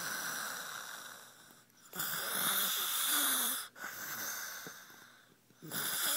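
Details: A young boy snoring while asleep: noisy, hissing breaths with a rough, faintly whistling edge and brief pauses, over steady background noise.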